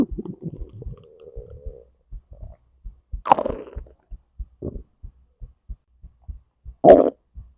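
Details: Digestive bowel sounds (borborygmi) recorded alongside heartbeat, stomach to intestines: gurgling, bubbling rumbles with a steady low thudding pulse underneath; ordinary digestion.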